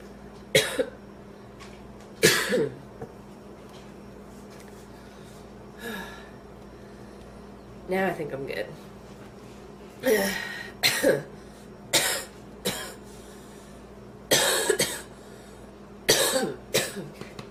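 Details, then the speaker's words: Repeated bursts of harsh coughing in clusters with brief pauses, from a woman who inhaled part of a sandwich, still feels food in her windpipe and says it hurts: a renewed coughing fit. "i thought i was done and then i went right back into another coughing fit oh it hurts"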